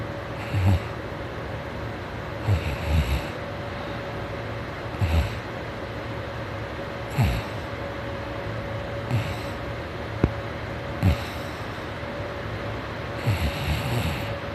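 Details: Morning snoring during sleep: low, rough breathing bursts recurring roughly every two seconds over a constant hum.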